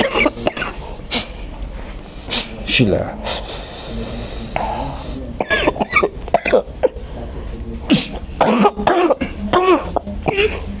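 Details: Repeated harsh coughs and throat clearing, with talk and chanting in the room, from an adult with a cough lasting over ten years, attributed to sorcery at a traditional healing session; chronic cough.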